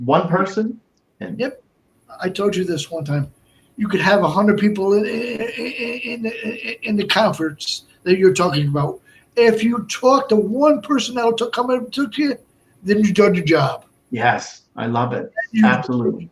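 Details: Man with Broca's aphasia from a stroke on March 22, 2011, more than 8 years post-stroke; also a heart transplant recipient.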